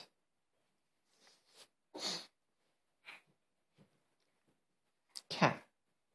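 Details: Child imitates a cat coughing up a hairball: a series of short, harsh, breathy bursts.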